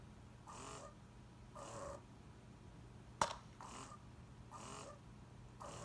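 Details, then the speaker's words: Spectra wearable breast pump running in the first of its three expression modes: very steady, consistent clicking, with rhythmic whooshing suction pulses about once a second and a faint hum; breast pump running. "so if you can kind of hear the sound it's just very steady um consistent clicking noise"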